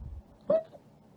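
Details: One brief, abrupt voiced hiccup in a quiet room, from a person hiccuping repeatedly and trying to get rid of the hiccups during a live stream, who also says they have not been feeling well.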